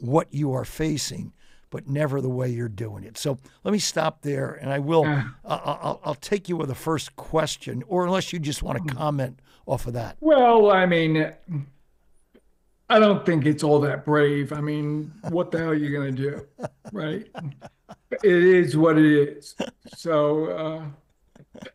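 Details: Adult man with ALS diagnosed four and a half years earlier and now near end stage; paralysis spread from right calf through legs, core, arms and hands to the neck; uses a ventilator to speak; difficulty speaking and breathing; dysarthria in amyotrophic lateral sclerosis.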